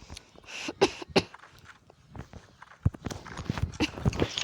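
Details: Several short, irregular dry coughs and throat noises amid soft room sounds during gameplay commentary, described by the person as a habitual cough.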